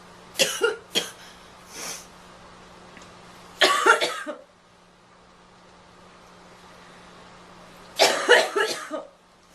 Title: Girl Coughing 14